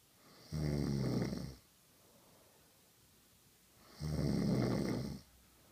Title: And she says I snore OMG LISTEN TO THIS